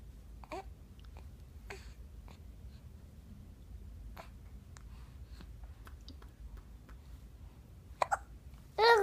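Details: Young child's hiccups: brief, sharp catching sounds recurring every second or two in a quiet room, ending in a short vocal sound.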